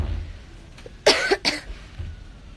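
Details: Cough from a young woman with a long-lasting cough that has not healed despite home remedies and medicine.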